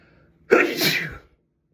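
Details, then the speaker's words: A single forceful sneeze with a sharp burst and hissing release, in a quiet bathroom, during a sneezing fit with a badly tickling nose. "I can't stop. Thank you. Thank you. It tickles so bad."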